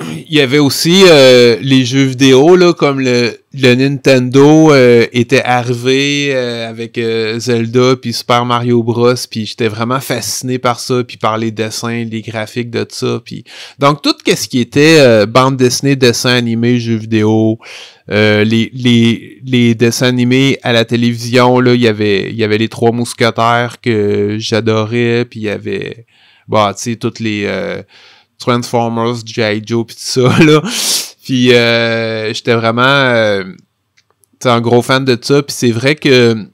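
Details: Stuttering in an adult French-speaking man who has stuttered since about age 5, with part-word and word repetitions audible; real, developmental stuttering.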